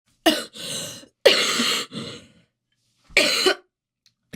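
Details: Girl with a cold and sore throat coughing: four harsh, dry cough bursts in two clusters.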